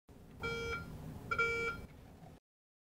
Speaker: when a sponge or towel is located an audible beep will sound from the locator wand